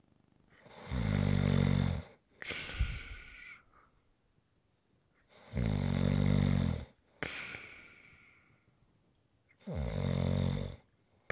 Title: ASMR Snoring Sounds